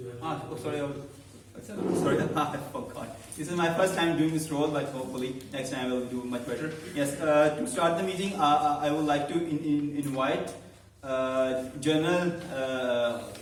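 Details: Adult man who stammers, about eight to nine months into a stammering support speaking club and has learned to accept it, hosting a live club meeting; stuttering.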